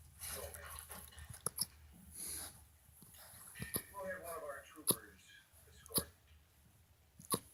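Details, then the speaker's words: Dog with repeated hiccups, noted for a vet visit the next day: brief, sharp catching sounds about once a second in a quiet room, with soft breathing between. "no thank you good boy oh good hiccups again huh look at me"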